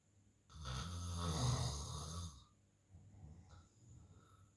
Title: Big snoring guy